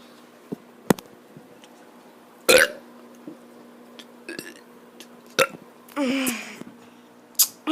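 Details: A child making several short burps and one longer rumbling belch in a quiet room with faint music, recorded on an iPad; the child had just run and had hiccups; burping.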